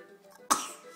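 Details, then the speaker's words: Young child with new teeth, coughing while having juice and a snack, possibly choked: a single short, sharp cough burst. "goodness, he got terrible cough. Ooh, wow. Goodness gracious."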